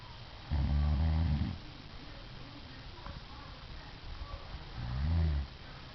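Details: Sleeping adult woman, filmed by her husband, with deep, rumbling, buzzy snores on breathing in, two in six seconds, and quiet breathing between; loud snoring.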